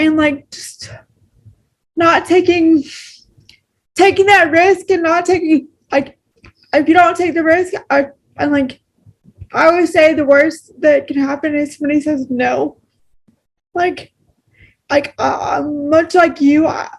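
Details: Adult woman with cerebral palsy, a wheelchair user, speaking naturally in a real conversation; she notes pronouncing words takes extra effort; dysarthric speech in cerebral palsy.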